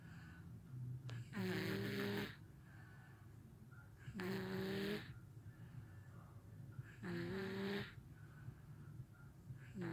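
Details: 1-year-old boy who co-sleeps with his parents: loud, rattling snores while asleep, about three in ten seconds, each with a tonal buzz and quiet breathing between; snoring.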